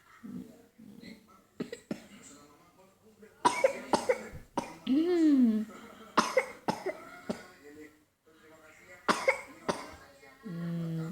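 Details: Young child with cough, fever and headache, coughing repeatedly in short, sharp bursts with bits of voice between them, recorded in a dark room on a phone: cough.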